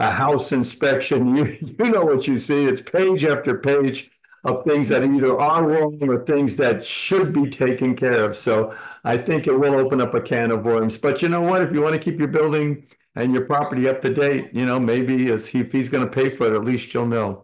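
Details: Adult male speaker; normal speech.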